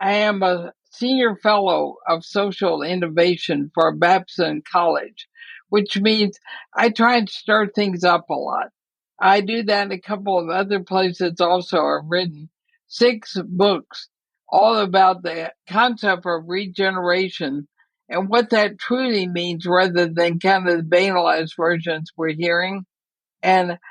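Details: Dysarthria from ALS in an 80-year-old woman, who says her speech is already noticeably impaired but still intelligible; the disease also affects her breathing.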